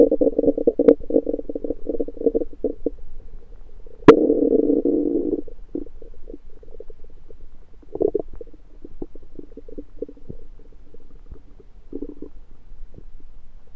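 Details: Belly sounds that began suddenly after eating something self-cooked, suspected undercooked, late February 2023: loud gurgling and rumbling in repeated bursts; active bowel sounds (borborygmi).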